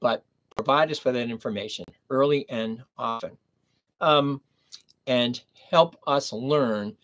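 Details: Man with aphasia after a stroke at age 59, nearly 11 years earlier, in the later recovery period; aphasia.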